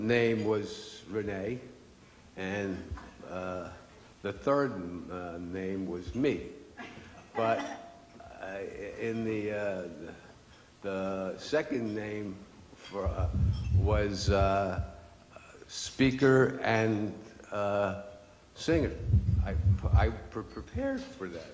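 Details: Adult male with aphasia, a language disorder from stroke or brain injury, who received speech therapy for two and a half years before he could finally say something; aphasia.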